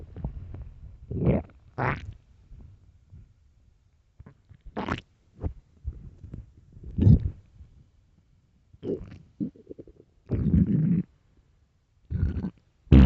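Low gurgling and rumbling bursts from the abdomen, irregular, separated by quiet: normal stomach growling from an empty stomach.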